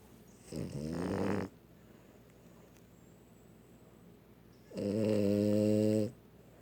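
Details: Dog snoring very loudly while asleep in a quiet room: two loud, buzzing snores with long quiet pauses between them.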